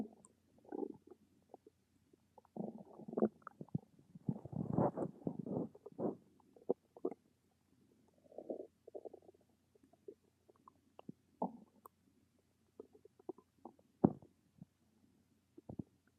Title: Stomach rumbles